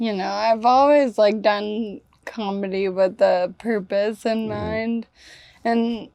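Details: Ataxic dysarthria in a 28-year-old woman with Friedreich's ataxia, a progressive genetic disease. Speech and gait problems were noticed around age 15, with diagnosis at 18 about 10 years ago. She uses a wheelchair and takes Skyclarys to slow progression.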